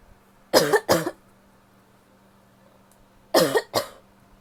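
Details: A female coughing in a quiet room: two pairs of harsh coughs, four in all, some wet but mostly barky.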